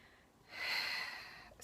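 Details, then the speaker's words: A pet cat snoring while sleeping, clearly audible in the room. Snoring. "Can you guys hear that? That is my cat snoring. So she was in the first video too."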